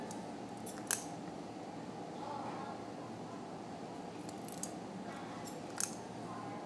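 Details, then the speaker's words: Live surgery removing an encapsulated grade 1 soft tissue sarcoma over the left shoulder of a 14-year-old dog: faint, sharp metallic snips as surgical scissors cut dissolvable polydioxanone internal suture ends to about 4 mm, over room hum. "just cut them both at about four millimeters at the bottom yep"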